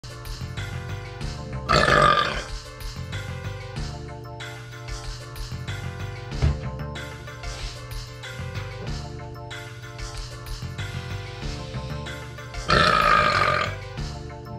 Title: BURPING CONTEST JUST BURPS | Burp Contest Episode 27